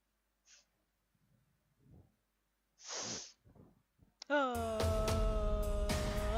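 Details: An acted comedy skit of a type of sneezer: a soft lead-in breath, one loud sneeze with gasps after it, then music starts over it. Simulated sneezing.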